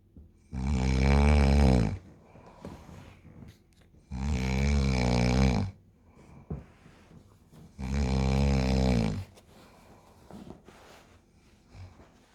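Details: Person asleep, snoring: three loud, rumbling snores on breathing in, about 15 a minute, with quiet breathing between them; turning the sleeper onto their side temporarily stops the snoring.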